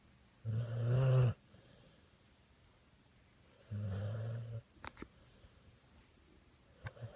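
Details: American Bully pit dog snoring, said to sound like a little man: two low rumbling snores about three seconds apart, with faint clicks afterward.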